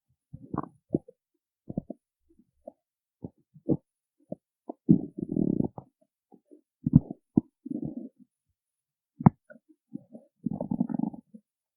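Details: Stomach growling after skipping breakfast: bursts of low gurgling and bubbling rumbles, irregular and separated by quiet gaps; borborygmi on an empty stomach.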